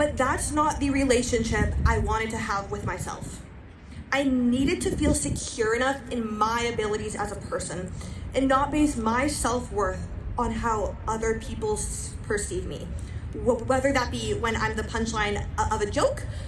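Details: Stuttering in a female high school senior, a self-described person who stutters who bumps on words, delivering her graduation speech; word repetitions in this stretch.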